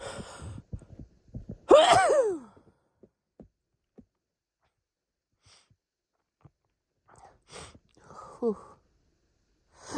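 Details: Hitchy sneezing fit: catching breaths and a strong sneeze, then more hitches and a smaller sneeze.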